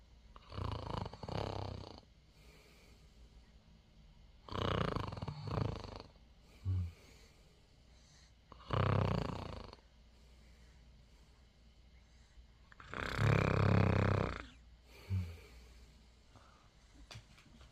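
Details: Eight-day-old newborn snoring: four low, rumbling snoring sounds on breaths in with quiet pauses between; ordinary infant snoring.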